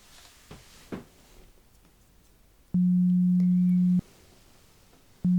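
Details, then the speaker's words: Simulated pure-tone hearing test in an ASMR ear-exam roleplay: steady low beeps edited in, one lasting over a second, after faint tapping, while the listener counts the number of beeps heard. "now please count the amount of beep sounds that you hear. Okay, can be any from one to 10, maybe even more."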